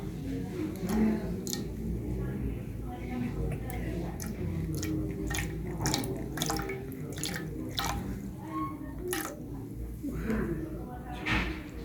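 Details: Clinic ear irrigation with a controlled warm-water syringe for deep compacted ear wax: gushing, splashing water with drips and some nearby talk.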